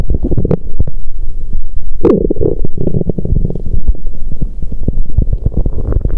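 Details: Active bowel sounds from an adult woman's abdomen on day two of her period, after the pain eased: continuous low gurgling and rumbling with frequent short pops and clicks.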